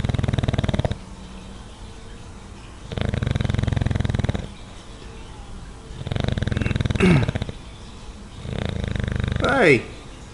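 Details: Watson snoring moderately in his favorite spot, about a third as loud as in deep sleep: loud, rough, buzzing snores on each breath roughly every three seconds, a few squeaky whistles near the end; snoring.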